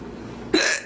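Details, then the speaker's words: Mother with hiccups, watched by a laughing child: a single abrupt voiced hiccup over low room noise. "hiccups mommy has hiccups it's [Laughter] funny"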